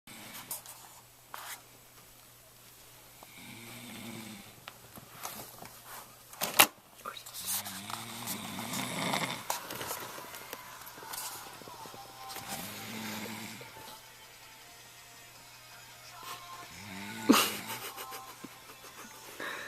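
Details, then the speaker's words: A younger brother asleep at 3 a.m., with rough, rattling snores on the in-breath, about four over twenty seconds, with long quiet gaps and some room noise: snoring. "Why do you snore so loud? I don't know."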